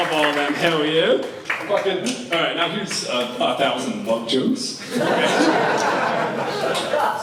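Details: Tourette syndrome in an adult male comedian, real vocal tics with shouted obscenities (coprolalia); he reports he can sometimes hold or partly suppress them; vocal tics with coprolalia.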